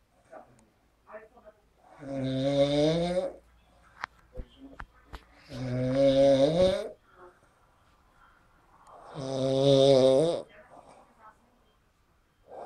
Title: Snoring man sleeping after a party. Chrapanie śpiącego po imprezie.